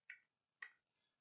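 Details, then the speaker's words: Temporomandibular joint exam, palpating the joint space as the patient opens and closes the mouth: two sharp, brief articular clicks about half a second apart, which can occur in healthy people. "van a percibir también un click un click articular van a tener el sonidito"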